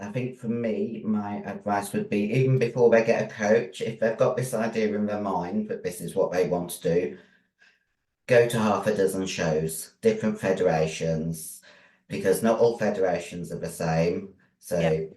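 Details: 56-year-old female bodybuilder with androgen-induced voice deepening (virilized voice) after large doses of anabolic/male steroids. Her formerly high-pitched voice is now very deep and she can no longer sing. She also has chronic kidney disease and past liver damage.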